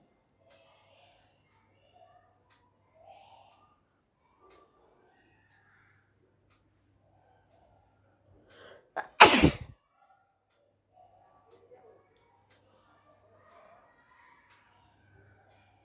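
One loud, explosive sneeze with a short in-breath beforehand, amid quiet faint background sounds.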